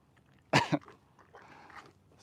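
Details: Horse during an equine chiropractic session. A single loud, harsh cough burst with a short second pulse, then quiet: cough.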